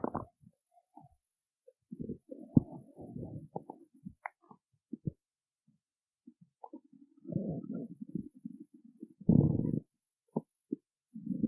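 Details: Stomach growling after skipping breakfast: irregular gurgling, creaking and rumbling bowel sounds in a quiet room; borborygmi on an empty stomach.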